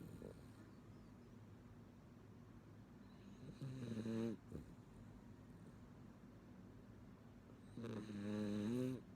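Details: Sleeping female miniature schnauzer snoring, said to snore louder when the TV is turned up: two loud, rattling snores on in-breaths, separated by quiet breathing.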